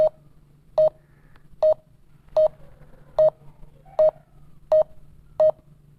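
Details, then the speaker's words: Short, even electronic beeps at about 77 a minute from a finger pulse oximeter (Check me Pro multifunction device) during a reading; result pulse rate 79, SpO2 98%. "इसकी beep भी आपको सुनाई दे रही है। तो ये जो है ये मॉनिटरिंग हो रही है, डाटा एनालाइज हो रहा है।"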